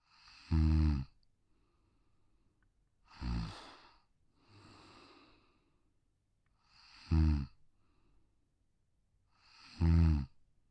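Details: Pug (brachycephalic, short-muzzled breed with broad, short skull) sleeping on a deck: slow, irregular snoring breaths, about 22 a minute, with a rattling buzz on each inhale; snoring.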